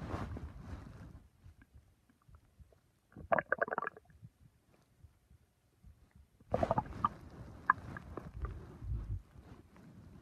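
Low gurgles and rumbling bursts separated by quiet spells; ordinary stomach rumbling.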